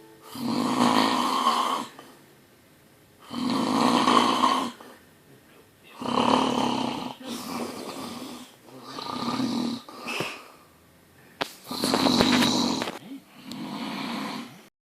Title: BIG SNORE FROM THE SHORE